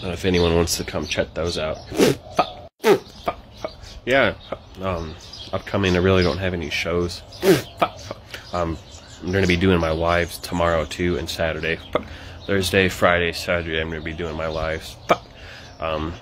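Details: Adult man with Tourette syndrome, with vocal tics occurring between sentences; vocal tics (Tourette syndrome).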